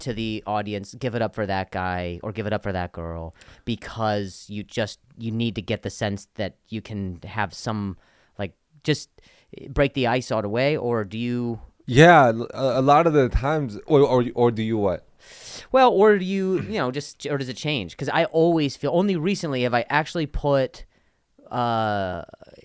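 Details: Adult male comedian whose stutter began after an injury and has improved greatly since; part-word and whole-word repetitions; stuttering.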